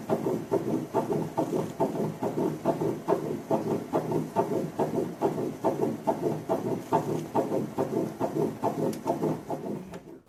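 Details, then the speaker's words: Fetal heartbeat picked up by Doppler and played during a talk on fetal development: rapid, regular whooshing pulses at about 140 a minute. "또 임신 6주 부터는 2 토플러 를 엄마 패드 되면 아기의 심장박동 소리가 흑 되죠"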